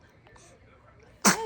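Near silence, then one sudden, sharp sneeze burst from a newborn at the very end.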